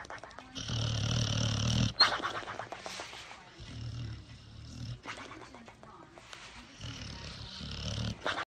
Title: The sound of a snoring dog, just like in the cartoons